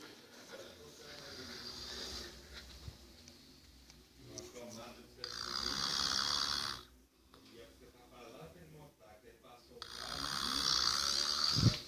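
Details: Snoring: two long, rough, hissing snores rising out of quieter breathing in a small room.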